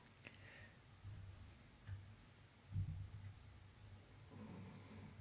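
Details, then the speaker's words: Ruby Cavalier King Charles spaniel asleep in the background of a room: low, rumbling breathing sounds recur quietly; snoring. "If you can hear that snoring in the background, by the way, just in case you missed it before, that's Monty, my ruby cockaleer. He's in the land of milk and honey."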